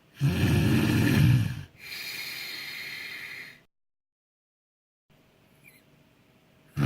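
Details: A friend secretly recorded while sleeping, with consent: loud, harsh, snorting inward breath followed by a softer rasping outbreath, then silence; heavy snoring.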